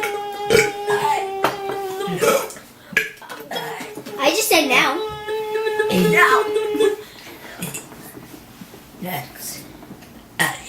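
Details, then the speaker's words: A child deliberately burping the alphabet: long, voiced burps drawn out in a string, with her speech and laughter around them; voluntary belching. "you recorded me buring my ABCs"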